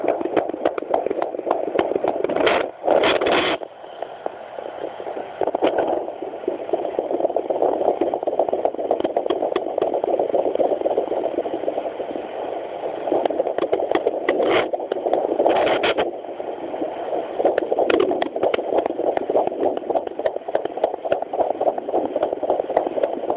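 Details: Handheld Doppler on a pregnant Chihuahua carrying two puppies: rapid whooshing pulses near 230 a minute amid probe scraping. These are fetal puppy heartbeats, with each heartbeat stated at 200–240, normal for unborn pups.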